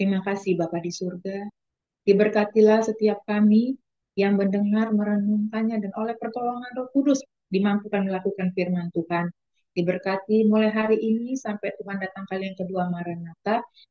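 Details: Adult woman; normal voice.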